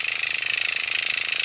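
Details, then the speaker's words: Fast, steady buzzing rattle from a microneedling pen on fast speed at 0.25 mm depth, moved in small circles over the forehead of a woman over 50; no pinpoint bleeding. "I'm going to go ahead and start on my forehead I'll do this side because it's the one with incision a little circular motion"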